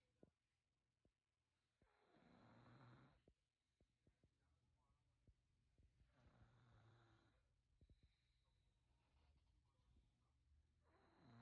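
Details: 3-year-old boy snoring lightly during an afternoon nap in bed, soft regular snoring breaths about 16 a minute with faint clicks and room noise.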